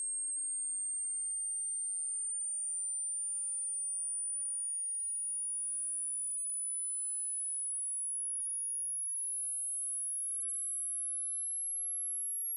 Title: How old are your ears? (Hearing Test)